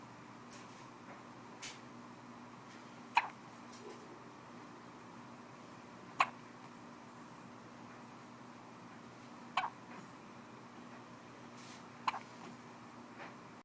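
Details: Baby hiccups: short sharp catches repeating every few seconds, about 20 a minute, over quiet room noise.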